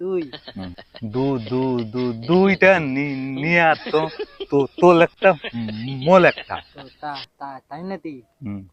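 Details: Adult male speaker, comedy imitation; stuttering (acted).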